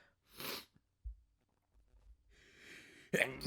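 A soft, muffled sneeze, then a breathy in-breath and a sharper sneeze burst at the end. Sneezing, partly held back.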